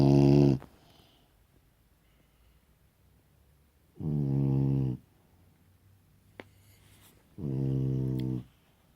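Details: Dog snoring: three droning, buzzy snores on the in-breath, spaced several seconds apart, with quiet between them.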